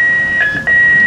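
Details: Simulated cardiac arrest team training: a loud, continuous high-pitched tone with a brief dip as the defibrillator charges before a 360 J shock.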